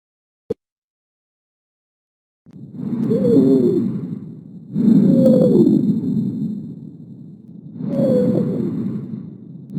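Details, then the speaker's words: Lung auscultation lesson, generated stridor sound from tracheal or laryngeal obstruction (e.g., tracheal stenosis): harsh, very high-pitched whistling present in both breathing phases. "Entonces vamos a generar un ruido que se conoce como el estridor el cual es la causa del estridor puede ser una obstrucción de la tráquea o de la laringe el sonido suele ser un silbido con un timbre muy alto y este va a estar presente tanto en inspiración como inspiración"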